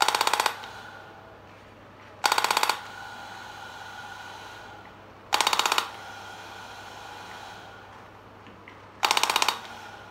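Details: Radial shockwave therapy on a patient with low back pain, delivered through a coupling medium on cleaned skin: short bursts of rapid sharp clicking pulses roughly every two to three seconds.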